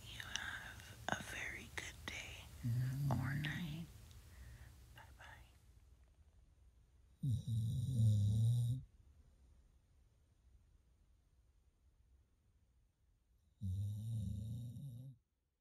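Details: Snoring from Duke, a sleeping 13-year-old Puggle dog napping: two loud, rumbling snores about six seconds apart after soft whispering.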